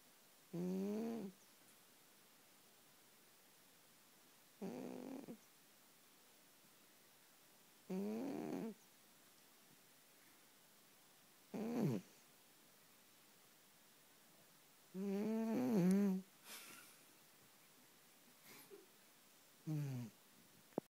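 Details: Soft, low, buzzing snores about 15 per minute, some slightly whistling, from a fat cat; quiet cat snoring.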